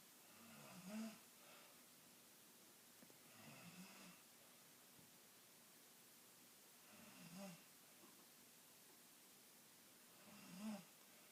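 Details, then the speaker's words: A sleeping person gives four rough snoring breaths about every three seconds, roughly 20 breaths a minute, in a quiet room; snoring. "do you really snore like that?"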